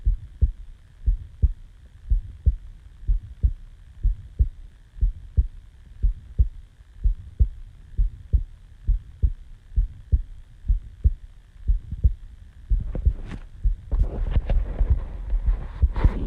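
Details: Normal heartbeat recorded just after waking from sleep: steady low paired thumps at roughly 85 beats per minute, rustling toward the end.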